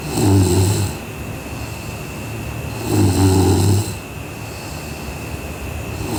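Low, rumbling snores on breathing in, two within about three seconds, over a steady background hum.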